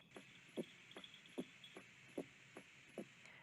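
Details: Normal adult heart sounds on diaphragm stethoscope auscultation of a woman at the mitral, tricuspid, pulmonary and aortic areas: regular paired beats about 75 a minute, clear S1 and S2, no murmurs, clicks or friction rub.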